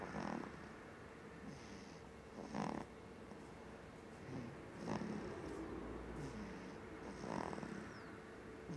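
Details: Irregular rough noisy snoring bursts on breathing, a few seconds apart, over steady room noise.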